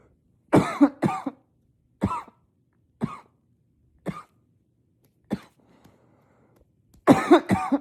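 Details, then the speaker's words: Persistent coughing spell: about eight sharp, loud, muffled coughs, some in quick pairs, in a quiet room while trying to cough quietly into a pillow. "Oh my God. I can't stop coughing."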